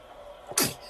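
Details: Baby just waking in the morning, still sleepy, sneezing once when the light is too bright (photic sneeze reflex): a single sudden, airy infant sneeze.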